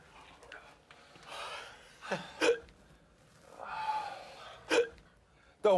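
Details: Hiccups in a person during a comedy skit: sudden sharp catching sounds, about four in six seconds, with breathy noise between them.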